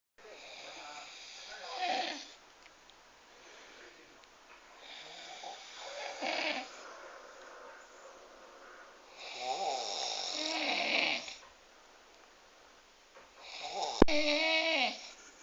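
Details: Big Romanian man snoring like a pig: loud, rattling snores on breathing in, about four over fifteen seconds, with quiet pauses between; snoring.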